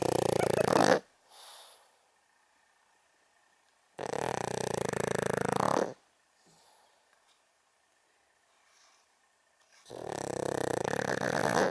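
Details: Loud, rough snoring with long noisy breaths separated by quiet pauses from an 11.5-year-old senior female pug, sleeping and dreaming.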